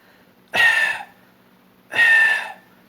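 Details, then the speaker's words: Two separate, forceful single coughs with a slight whistling edge: deliberate, normal simple voluntary coughs shown as the first step of a beatbox cough-whistle tutorial. "Pues bien Ahora vamos a empezar con lo que es la tos una tos simple"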